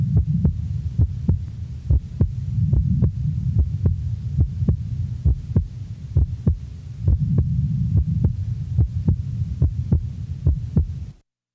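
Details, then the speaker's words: Normal individual, recorded at the left base: physiological splitting of the second heart sound with each inspiration, breath sounds in the background; regular rhythm about 70 a minute. "the next example is also that of a normal individual the recording is from base left a physiological splitting is heard with each inspiration breath sounds are heard in the background"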